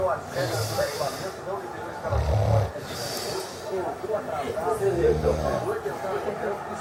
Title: Meu amigo roncando!